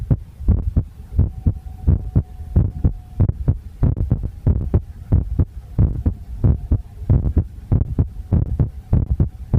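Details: Heartbeat, visible, poor-quality recording: regular low thudding at roughly 95 beats a minute with a faint steady hum in the background.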